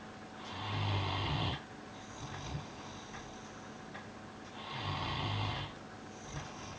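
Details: Piran snoozing on his bed, May 2013: two deep, low, rumbling snores on inhaling, about four seconds apart, with quieter breathing between; loud snoring.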